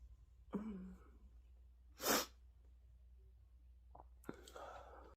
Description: A compilation of sneezing fits